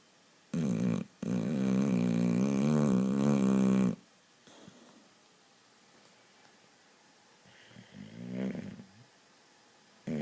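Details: Sleeping Boxer dog gives a long, loud, rattling snore on the in-breath, then quieter breathing and a softer second snore: heavy canine snoring.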